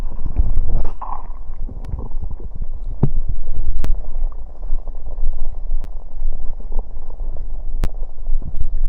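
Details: Stomach growling after drinking cider: loud, continuous low rumbling and churning with scattered clicks and pops; ordinary borborygmi.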